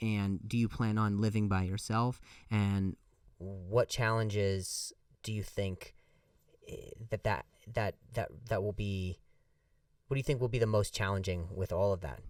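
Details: Adult male comedian who stutters, saying the stutter has gotten a lot better over the years, speaking conversationally with repeated words and phrases; stuttering.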